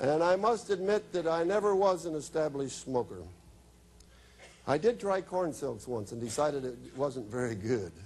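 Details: Adult man speaking; normal speech.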